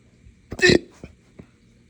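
A sharp, loud hiccup-burp followed by two smaller hiccup sounds: hiccups mixed with belching.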